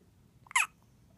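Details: 1-week-old baby girl with hiccups: a single short, sharp, squeaky catch in a quiet room.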